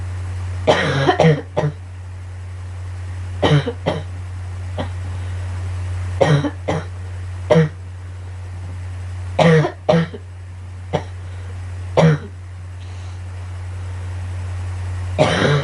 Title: Girl coughing 140